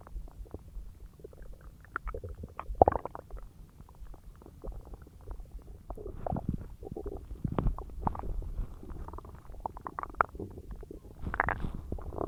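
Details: Loud bowel sounds (borborygmi) of active digestion after a huge meal: frequent gurgles, squelches and low rumbles from the belly, a normal finding.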